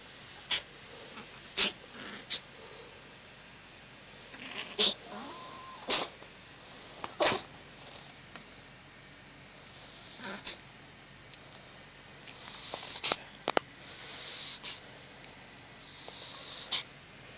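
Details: About ten repeated sharp, hissy little bursts over seventeen seconds from a kitten, described as sneezing and coughing; sneezing.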